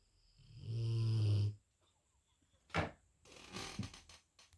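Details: Snoring from a dog.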